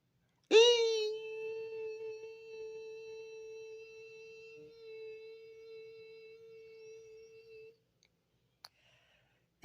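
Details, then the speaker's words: Simulated tinnitus: a steady, sustained high-pitched ringing tone that fades slowly, one person's recreation of their own constant tinnitus. "what does it sound like what does tinnitus sound like it sounds for me it sounds like this"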